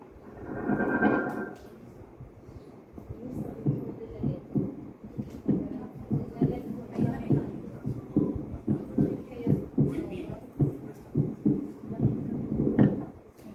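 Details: Regular, low, dull heart thumps through a stethoscope held on the skin after a brief rubbing noise; normal heart sounds.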